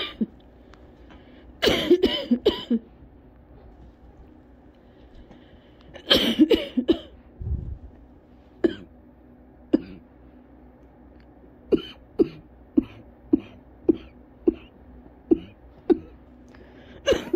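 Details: Adult with cough variant asthma coughing after a cold outdoor run, after using inhaler, lightheaded, earlier coughed to vomiting: harsh clustered bursts then steady run of shorter dry coughs, a persistent coughing fit.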